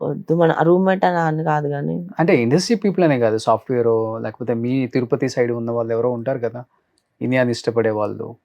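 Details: Adult male interviewer; normal speech.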